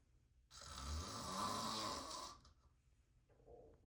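A single loud, rough, hissing breath lasting about two seconds, then quiet. A snore from a sleeping adult.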